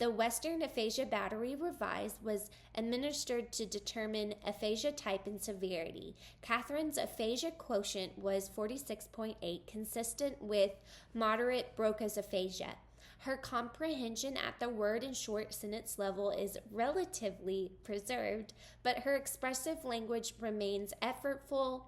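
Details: Adult woman; typical speech.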